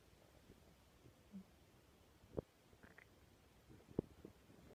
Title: Stomach growls